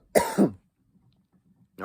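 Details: Harsh double cough, like a throat clear, followed by quiet, after a cannabis blinker hit; cough.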